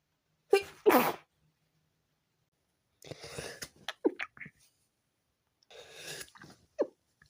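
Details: Sneezing fit at 4 a.m. preventing sleep; two sneezes in quick succession, then sniffing and breathy noises after a pause.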